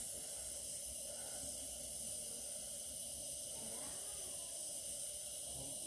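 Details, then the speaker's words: Nebulizer running during an aerosol inhalation treatment for an asthma attack in the emergency department; nebulizer running. "Et puis après, bah, je sors, quoi. J'ai le droit à 2 aérosols, 2 inhalations, là."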